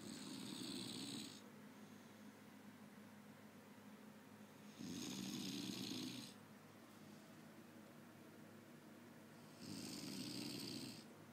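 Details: Adult man snoring in sleep after heavy drinking: slow, rumbling snores with a hissing edge, roughly every five seconds, over steady room noise; snoring.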